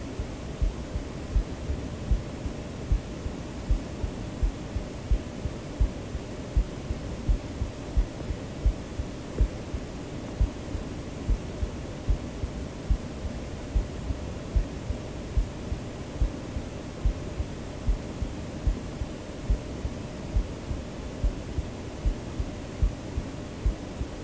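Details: Real recorded human heartbeat mixed into a sleep-aid track: steady, regular beat about 70 per minute under soft hiss and low hum; heartbeat.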